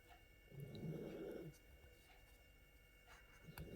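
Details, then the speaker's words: Gracie, a sleeping pet, snoring: one low, rough rumble lasting about a second in a quiet room. "All that noise is Gracie snoring, if you can hear her."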